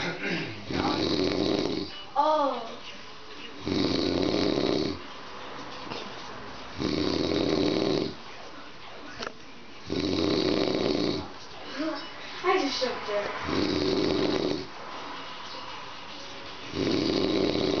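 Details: Loud, rough snoring from an old man (father) at about 19 breaths a minute, with brief faint voices between snores.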